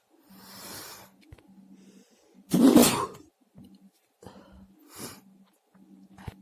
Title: Varied sneezes 🤧